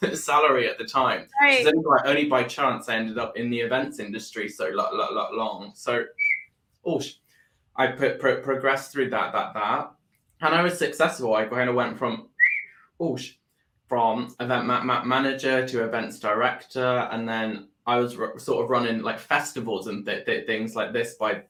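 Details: Adult man with Tourette syndrome that began about four years earlier after seizures and brain swelling, with motor and vocal tics and a stammer that followed a loss of speech; vocal tics with stuttering.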